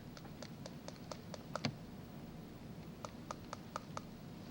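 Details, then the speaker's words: Vintage dental exam of an adult patient, percussion of individual teeth: two series of quick, light taps, some duller than the sharp click of normal teeth with normal roots, an altered percussion note prompting further checks. "A further check of the teeth is percussion of these individual teeth. Normal teeth with normal roots usually give a sharp click. Notice the difference in sound in this tooth"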